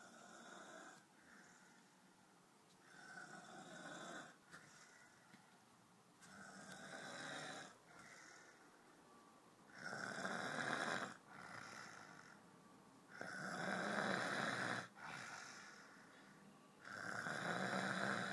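Rhythmic snoring, about 13 breaths a minute, harsh rattle on each breath, softer sounds between; ordinary snoring.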